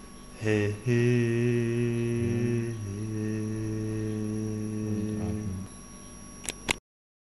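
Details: Adult; voice after vocal fold polyp removal.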